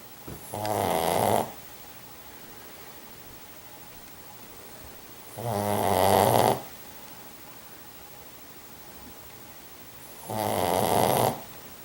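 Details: Pug dog (Jack) snoring: loud rattling snores on each breath in, about 12 per minute, with quiet pauses between; owner thinks he needs a sleep apnea study.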